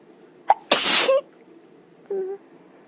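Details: Sneeze in bed: one loud sneeze with a sharp intake before it and a small voiced sound after.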